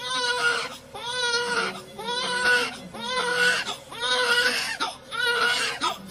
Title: This newborn with fetal fat on his face is crying for the first time, it's so cute